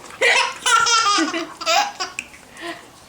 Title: laughing kid with hiccups